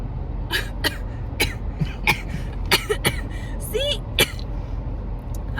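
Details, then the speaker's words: Adult who vapes only about once a month, coughing after inhaling from a vape in a car; says it burns: several short, dry cough bursts and throat clearing with road hum behind. "sometimes I don't because I cough so much and it still Burns because if you want to know how much I ever Vape it's literally like once a month"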